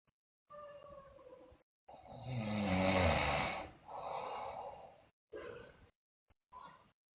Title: Sleeping Girl Loudly Snore, Bruxism, Delirious